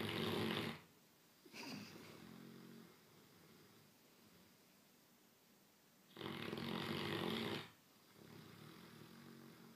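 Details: Sleeping 6-month-old Great Dane puppy snoring loudly: rough snores about every 6 seconds, each in-breath a rattling snort and a softer breath out.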